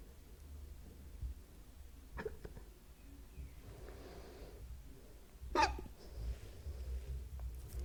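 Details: ASMR hiccup recording: a few sudden, sharp throat catches against quiet room noise, consistent with hiccups.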